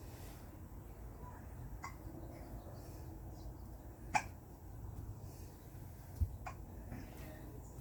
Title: To the cat with hiccups